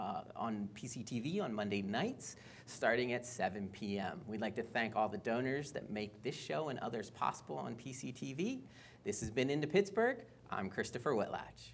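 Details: Adult male speaker; normal speech.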